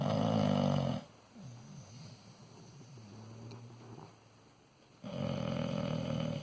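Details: Sleeping dog: two loud, rumbling snores about four seconds apart, with soft breathing noises between them; snoring.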